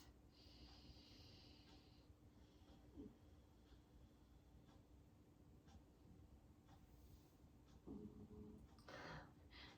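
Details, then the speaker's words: Dog snoring softly, a little audible, while lying in her favorite chair in the room during a chair yoga class: snoring. "can hear clear snoring she's in her little favorite chair over there so if you think there might be an alien or something in the room it's dog snores a little"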